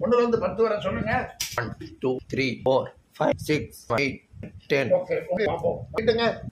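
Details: Puberphonia in a male patient recorded before treatment while counting from 1 to 10; he reports his voice will not come.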